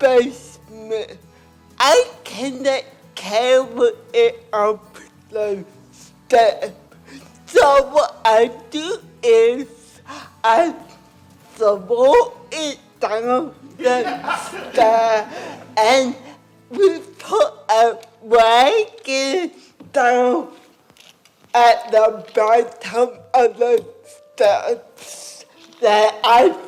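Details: Adult woman with cerebral palsy and a lifelong speech impairment; dysarthria.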